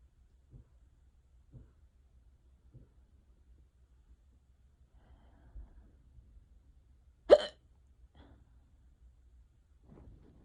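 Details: One sharp, abrupt hiccup in a quiet room with a few much fainter catches around it, during an unusually persistent, prolonged bout of hiccups.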